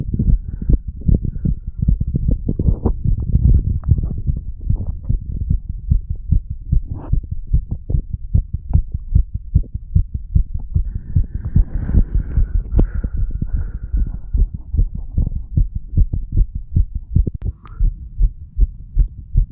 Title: HeartBeat Recording of 35 Year Old under influence of Medical Marijuana and Tobacco.